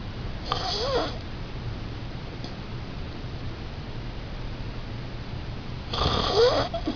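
Two rough, fluttering breath noises about five seconds apart against steady room hiss, consistent with snoring.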